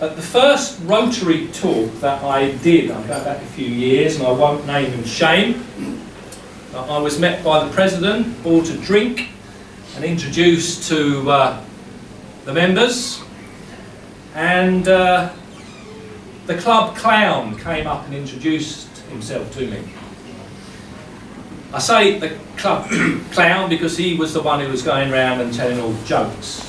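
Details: Adult male who has stammered since primary school; the stammer controlled his life by his mid-40s; he now uses a Starfish Project breathing technique and still stammers daily, though much less: stuttering.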